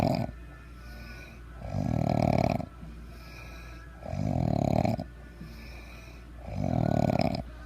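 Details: Three loud, rattling snores on the in-breath, roughly every two and a half seconds, about 24 breaths a minute; a person described as snoring badly.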